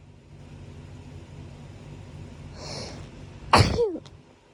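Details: Sharp inhaled build-up then one loud, explosive sneeze over quiet room noise, at night after waking up sneezing; audio only; hay fever, allergic rhinitis sneezing.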